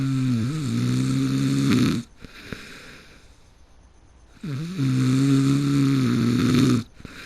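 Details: A person who fell asleep mid-game, snoring heavily: two loud, long, buzzing snores on breathing in, separated by quiet breathing out.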